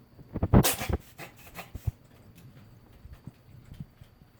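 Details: Dog having sneezing episodes: a sharp explosive burst of air followed by a few smaller snorting puffs.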